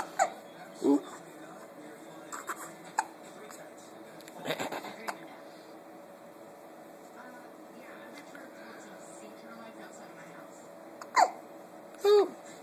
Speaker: You don't like having the hiccups, do you? No, you don't.